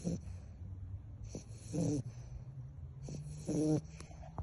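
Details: A baby American Staffordshire Terrier sleeps with soft rhythmic snoring, a squeaky, whistling edge on each breath, about two breaths in four seconds. Snoring.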